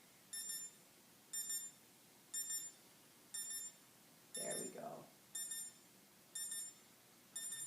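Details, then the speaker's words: Pulse oximeter on a patient's finger during a demonstration, reading SpO2 95% on room air and heart rate 50 while the patient takes big breaths and pulse rises slightly: regular high-pitched beeps, about 60 per minute, one per pulse. "this one has an alarm and I'm just going to just show the camera it's showing me right now 95 and a heart rate of 50"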